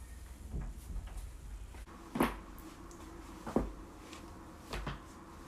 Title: joint cracking compilation